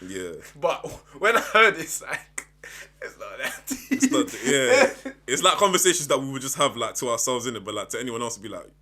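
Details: Adult man speaking; ordinary speech.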